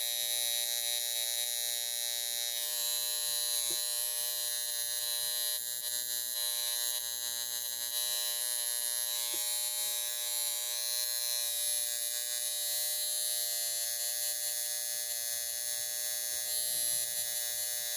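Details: High frequency facial device on a higher-than-usual setting, tapped on individual pimples; steady high electrical buzz with faint crackle.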